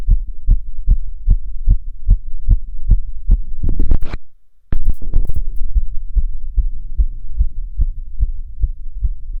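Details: Self-auscultation standing (orthostatic) and sitting: rapid, regular heart sounds with no added noises, briefly interrupted by handling rustle; tachycardia with otherwise normal heart sounds.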